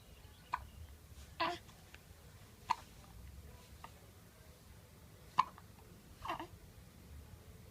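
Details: Repeated short, sharp hiccups, about five in eight seconds, with soft babbling between them in a quiet room.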